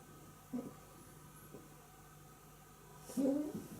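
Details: Against a steady room hum, a faint snort, then a louder, rattly, fluttering snore from a sleeper while travelling.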